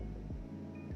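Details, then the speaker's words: Korotkoff sounds during a self-measured blood pressure with a stethoscope and sphygmomanometer: soft low pulse thumps under a steady hum as the cuff slowly deflates, the first sound marking systolic pressure. "then start deflating the cuff very very slowly and watch the dial fall slowly until you can hear your pulse again"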